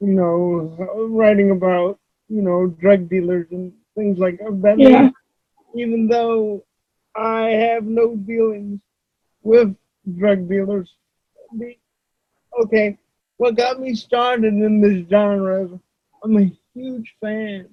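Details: Adult male published author with cerebral palsy who uses a wheelchair; voice-recognition software reportedly fails to understand him; dysarthria due to cerebral palsy.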